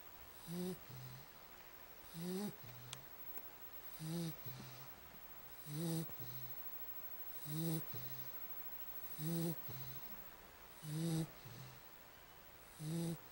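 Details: Loud snoring: a steady, even, low rattling snore on each breath at about 16 to 17 breaths per minute.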